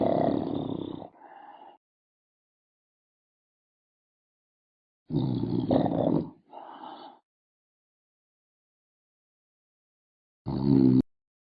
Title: Snoring #1